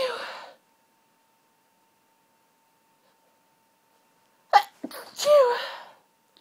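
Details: Two forceful sneezes separated by a silent gap, the second preceded by a sharp catch of breath, during a very intense hay fever sneezing fit that wouldn't stop; allergic sneezing.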